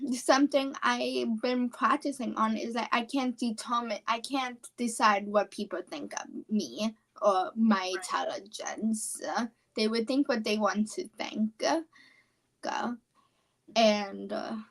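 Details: Apraxia of speech, a neurological speech disorder, in a 17-year-old female high school senior.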